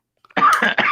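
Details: A brief coughing fit from an adult, about three harsh, forceful coughs close together with no pause for breath.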